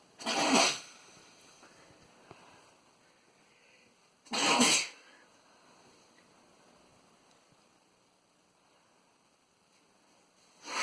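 Two sharp, hissing sneezes about four seconds apart, with a third starting at the end, in a quiet room.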